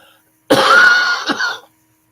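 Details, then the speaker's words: Adult woman's bad cough, said to sound better than before: a short, harsh, voiced cough in two bursts, close to a heavy throat clearing. "this cough is bad um but actually this sounds good compared to what it has been sounding like"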